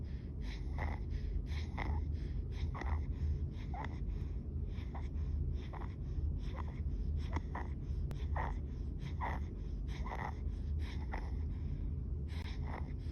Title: Dyspnea, tachypnea, excessive muscle use and stridor